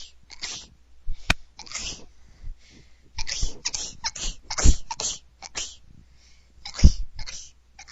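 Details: A person sneezing like a bunny: a rapid series of small, soft, snuffly sneezes in quick bursts, about a dozen in several seconds; repeated sneezing.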